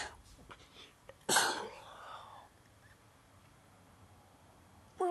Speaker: Goddamn chicken nuggets. I have to sneeze.